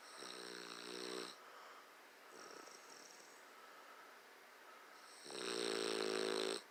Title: Yes Bulldogs snore